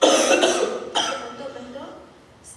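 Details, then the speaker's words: Two abrupt, harsh reflex coughs from a patient as 2% lidocaine is instilled into the trachea to anaesthetise the upper airway during an airway procedure, in a lecture on vocal cord paralysis. "that is instilling liken 2% into the trachea. The patient will cough up the um local anesthesia and anesthetize the upper airways"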